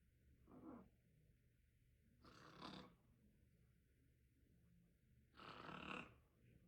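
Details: Pet parrot pretending to snore: three rough, breathy bursts, a learned imitation rather than real sleep breathing; imitated snoring.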